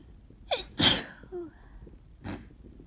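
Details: Person with a bad summer cold; a quick gasp, then a sharp explosive sneeze followed by a second softer burst.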